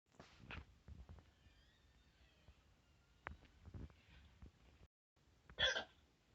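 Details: Several sharp, brief gulping catches scattered through a quiet room, with one louder burst near the end: hiccups.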